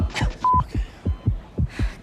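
Fast, regular paired low thumps at about 120 beats a minute, with a brief beep and faint room noise; a simulated rapid heartbeat.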